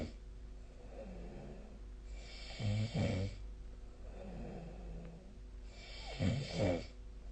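Loud rattling snores on the in-breaths alternating with quieter out-breaths, roughly 17 breaths a minute; ordinary snoring.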